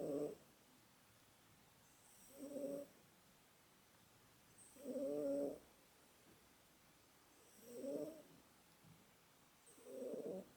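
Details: Male cat snoring in sleep: soft, regular snoring breaths roughly every 2.5 seconds, about 23 a minute, with quiet pauses between.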